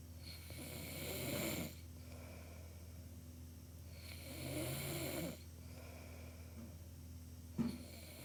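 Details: Real human snoring sound effect: two long rattling snores on breathing in, about four seconds apart, then the start of a third, over a steady low room hum.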